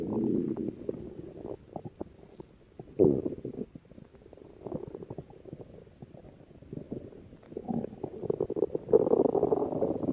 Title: stomach growling